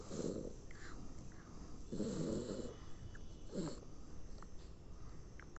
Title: Snoring like a monster # dog snoring